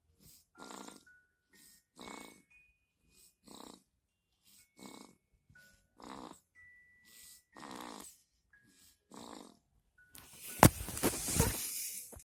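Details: Dog snoring: rapid, rhythmic snuffling snores with faint whistling tones, ending in a loud burst of noise.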